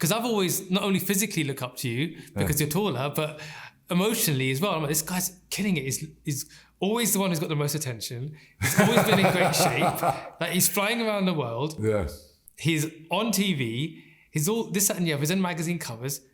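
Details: Adult man speaking in conversation; typical speech.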